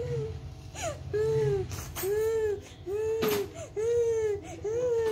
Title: I'm Crying